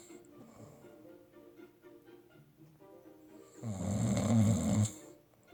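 A single loud, rumbling snore rises out of quiet breathing and soft background music, then fades; ordinary snoring.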